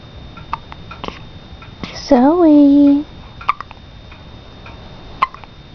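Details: 11-day-old baby girl with hiccups: several short, sharp hiccup clicks spaced a second or two apart, with one drawn-out voiced sound from the infant in a quiet room; hiccups.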